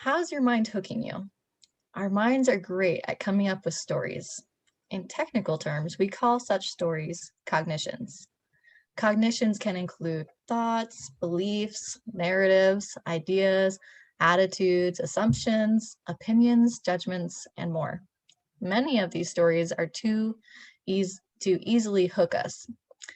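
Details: Adult woman reading aloud in a role play; normal speech.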